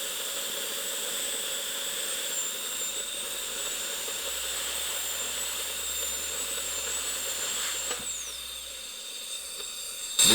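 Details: Steady high-pitched whine of a dental handpiece with bur opening the pulp chamber of an extracted three-canal tooth, stopping near the end; simulated root canal demonstration on a clean tooth assumed deeply decayed.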